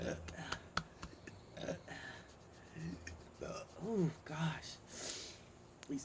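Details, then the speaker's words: Person with multiple sclerosis during a burping spell, feeling miserable with stomach discomfort: several low, throaty belches with breathy exhalations and sighs in a small room; repeated burping. "At least this ain't the bad burping. Mm. My stomach. I just feel so miserable."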